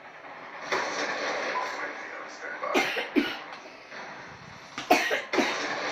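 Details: Sick male coughing: about four short, harsh coughs in two pairs over a steady background rumble.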